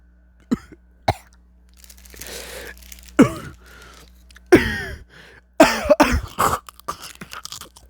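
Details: Smoker eating chips: crunchy chewing, then a run of harsh, wet-sounding coughs in close succession; smoker's coughing fit.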